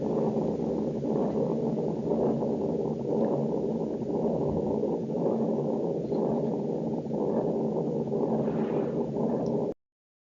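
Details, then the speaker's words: Patent ductus arteriosus: steady, unbroken continuous machinery (Gibson) murmur running through the heartbeats, high-frequency and loud, maximal at first or second left intercostal space parasternally; continuous machinery murmur. "se lo llama también soplo de gypson o soplo en maquinaria es de alta frecuencia fuerte con frito máximo en el primero o segundo espacio intercostal izquierdo para externar"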